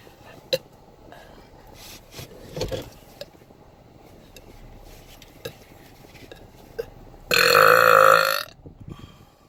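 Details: Woman burping over and over quickly in her car: a long, loud belch lasting over a second follows quieter background sounds; a burp.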